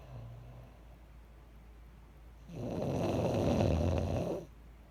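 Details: Single loud, low, rough inspiratory snore lasting about two seconds after a quiet breath, from a woman at 30 weeks of pregnancy; ordinary snoring.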